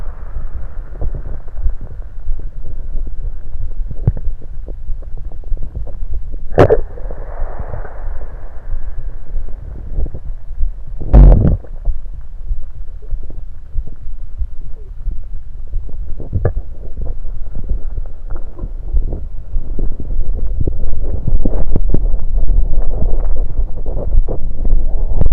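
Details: Continuous low rumbling and irregular gurgles with two sharper bursts, recorded from the abdomen while lying on the left side after drinking soda; bowel sounds.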